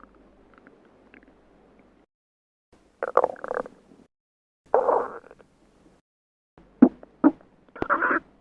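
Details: Sound-effect recording of stomach growling: a faint low rumble, then several separate gurgling, bubbling bursts with short squeaky rises and pauses; ordinary borborygmi.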